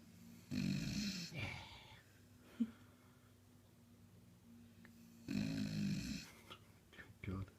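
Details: Sleeping beagle, possibly dreaming, two loud snorting snores about five seconds apart with quiet breathing between; dog snoring.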